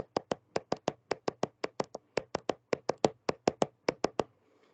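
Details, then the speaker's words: Simulated gallop rhythm made by tapping for teaching: three heart sounds per beat at over 110 beats per minute, imitating a horse's gallop, in a fast heart; the extra sounds are described as pathological. "y ese ruido simula el galope de un caballo por eso se llama ritmo de galope cuando escuchamos tres ruidos cardíacos a una frecuencia de más de 110 latidos por minuto"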